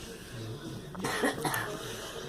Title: Girl coughing